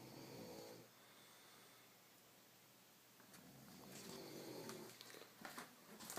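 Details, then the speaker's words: Three people snoring together during sleep: rough, rattling snores with a quieter stretch between breaths and some room noise. "and this is aaron shawl sleeping soaring and harmony with shame tall bog oh let's get a nice tone going here too but then rick is joining in over here"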